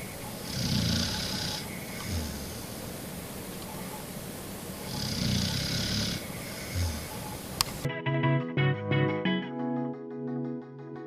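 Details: Female dog, a very heavy sleeper, snoring loudly while asleep: slow, deep, rumbling snores with a hiss on each breath, then music starts over them.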